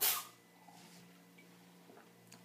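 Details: A cat that had been trying to drink coffee sneezes: sneeze.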